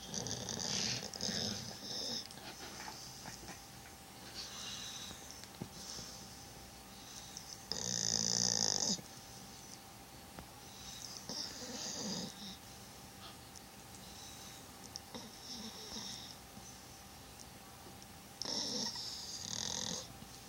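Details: Sleeping dog snoring, then dreaming: irregular hissing, snuffling breaths with a few louder snorty bursts, snoring with dream noises.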